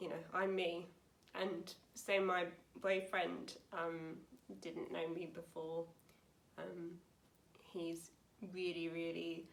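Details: Young woman, 28, with aphasia after a severe stroke at school in 2009 at age 18, about nine years on; aphasia.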